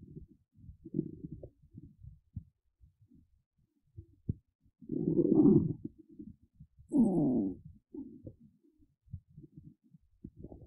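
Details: Hungry, empty, hollow belly noises: low gurgling and rumbling bursts with two longer, louder growls; ordinary hunger stomach rumbling (borborygmi).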